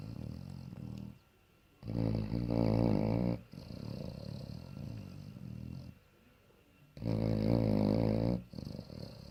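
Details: Bloodhound dog asleep: deep, loud, vibrating snores, two long in-breaths with rumbling out-breaths between; heavy snoring.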